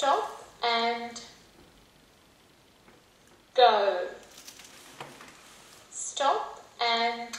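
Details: Five-year-old boy with childhood apraxia of speech, in speech therapy for over 3 years, practising a phrase with an iPad speech app: childhood apraxia of speech.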